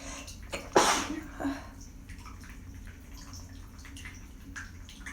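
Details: One sharp, loud sneeze, then a smaller follow-up sneeze, after holding sneezes back, by a stuffed-up person using steam in a small echoing room with faint running water.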